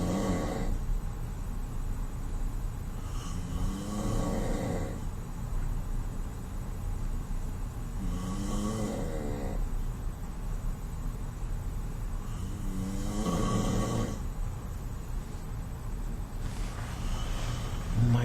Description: Just a sample of my dad's snoring... I'm always the one to get stuck in a hotel room with him and people wonder why I'm so irritable during vacations...